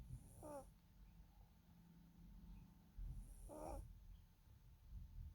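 Two short, squeaky, whistling snores about three seconds apart over low background rumble. Snoring in a sleeping small dog.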